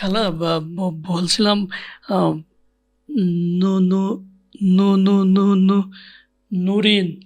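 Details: Acted stuttering in a comedic Bengali portrayal, with a syllable repeated before a name.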